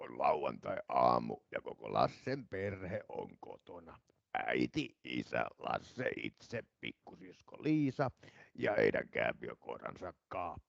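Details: Adductor spasmodic dysphonia in a male patient: moments of strained, pressed voice, the main adductor-type symptom, improving markedly with singing-like intonation.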